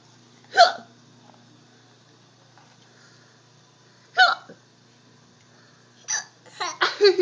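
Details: A young child with ordinary hiccups in a quiet room: abrupt voiced hiccups several seconds apart, then a run of laugh-like bursts.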